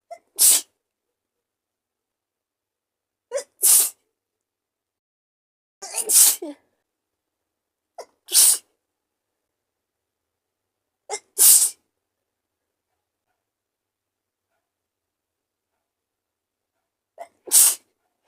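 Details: Sneezing with a cold: six separate sneezes, each a quick intake followed by a sharp burst of air through the nose and mouth, in a quiet room.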